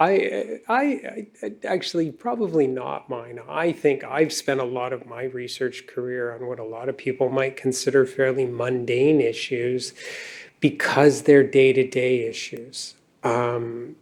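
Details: Adult male speaker; normal speech.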